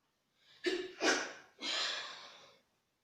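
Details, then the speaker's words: Deliberately performed sneeze imitation, one of a series of sneeze types (aborted, double, triple, infinity): breathy intake, then a hissing, air-heavy burst and a long exhaled rush. "The aborted sneeze. The double sneeze. The triple sneeze. The infinity sneeze."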